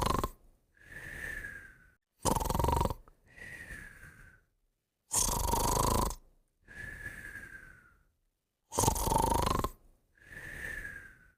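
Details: Snoring with whistling: loud rasping snores on each in-breath, each followed by a whistling out-breath, about three breath cycles in eleven seconds.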